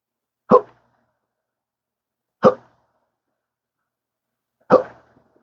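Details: Persistent chronic hiccups: three abrupt, short hiccup sounds about two seconds apart in a quiet room, with occasional burps, in daily 12-hour episodes of a rare condition present since December 2015 after a surgery that caused nerve damage.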